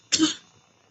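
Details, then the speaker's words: Adult woman with a slightly hoarse voice gives a single short, harsh throat-clearing cough in a quiet room while teaching. "que a minha voz tá um pouquinho afônica, então às vezes quando eu falo muito gasta, né, um pouco esse folo."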